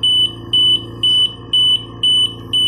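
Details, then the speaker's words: An oxygen concentrator with a newly replaced filter, checked after a patient reported he could not tolerate its flow, alarms with no flow or pressure; loud, regular high-pitched beeping, about two a second, over a low hum. "Wala siyang flu kaya nag-a-alarm guys."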